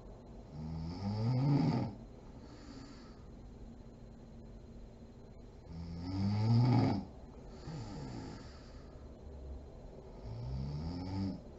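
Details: Mother (adult woman) asleep: loud rattling snores on inhalation at about 12 breaths a minute, with quiet gaps between; ordinary sleep snoring.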